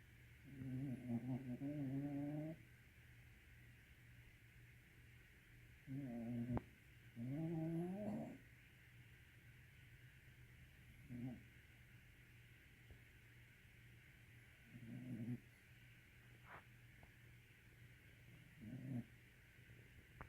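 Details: Sleeping animal recorded 14 July 2017: soft, irregular snorting snores and brief nasal snuffles over a steady low room hum; mild snoring.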